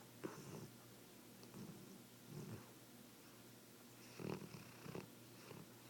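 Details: Soft, rattling snores in short bursts with the breaths during sleep, over quiet room noise: snoring.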